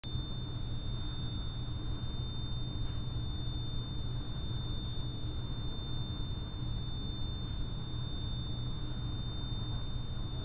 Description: This is a sound of tinnitus - 7500 Hz Tone.